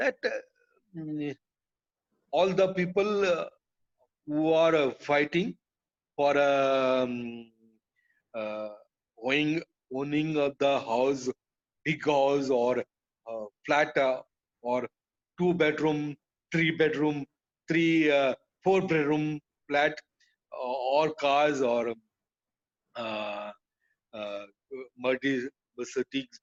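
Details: Adult man with aphasia after a stroke that hit his speech centre; told he would never speak again; recovered with speech therapy but still has trouble finishing sentences; aphasia after stroke.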